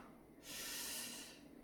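A single harsh, hissing burst of air forced through the nose, lasting under a second: a snort.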